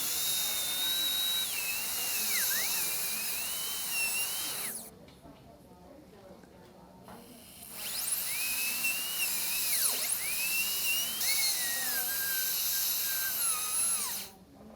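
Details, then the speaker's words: Dental high-speed handpiece during an all-ceramic crown preparation, tooth #9, rounded shoulder: high-pitched drill whine rising and dipping as it refines the wall along the gum line, blending with proximal axial reduction, brief pause midway. "now we're going to just refine that that wall and blend it with our proximal walls of axial reduction again just follow the gum line"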